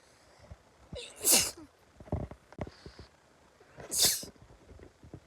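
Two sharp, hissing sneezes a few seconds apart, with faint rustling between them.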